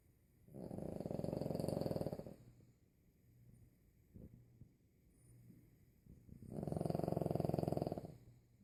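Two long, loud rattling snores from a small sleeping dog with softer breathing between; heavy fluttering snoring.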